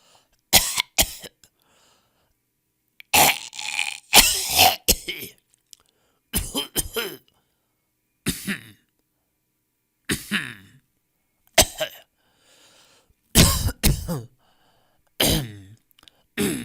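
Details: Stock audio of people coughing in varied styles: about nine bouts, some single and some in quick pairs or triplets, with harsh throaty bursts and pauses between.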